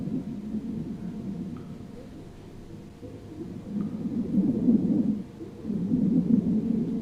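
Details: Simulated VR patient with shortness of breath and slow heart rate, stethoscope on posterior chest: soft, low rushing breath sounds without wheeze or crackles; normal breath sounds.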